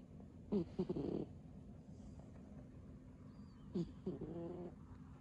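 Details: Two soft, buzzing snore breaths from a sleeping pet cat over quiet room noise; this cat does not snore every time, but snored heavily that day.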